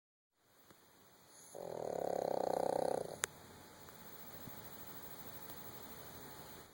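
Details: Sleeping puppy, which gets louder than this at times: a single soft, fluttering snore over a steady background hiss; snoring.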